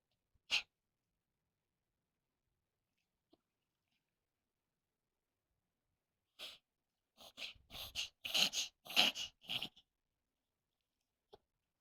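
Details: Poodle dog's occasional reverse sneezing episode, said to be common in poodles: a burst of rapid, harsh snorting inhalations.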